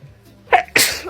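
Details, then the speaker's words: Girl having a COVID-19 nasal swab test: a quick in-breath, then one sharp explosive sneeze triggered by the swab, after saying she feels like sneezing. "oh gosh oh gosh I feel like sneezing okay yeah yeah there it is there it is"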